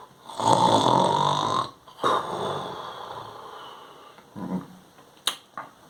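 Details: Imitated, not real, snoring: an adult mimics a sleeper with loud, rough nasal snoring noises, ending with a few short sniffs and clicks.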